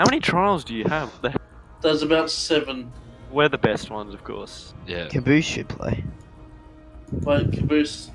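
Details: Adult male voice over online voice chat; typical speech.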